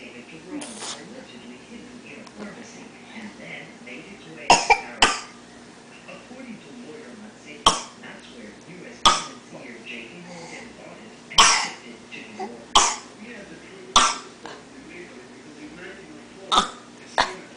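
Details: A young child deliberately mimicking a cough, making repeated short, forced fake cough sounds rather than a true illness cough.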